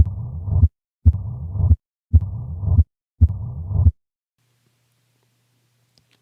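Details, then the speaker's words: Mitral stenosis murmur: relatively constant left atrial to left ventricular pressure gradient with presystolic accentuation from the atrial kick; low-pitched murmur from large flow across a low pressure gradient. "and here is mitral stenosis here there is a relatively constant pressure gradient between the left atrium and left ventricle with the exception of a pre systolic accentuation which is the consequence of the atrial kick"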